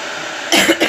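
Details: Adult woman with a cold, possibly flu, no fever, with a cough: a single short, dry cough burst after a quiet lead-in.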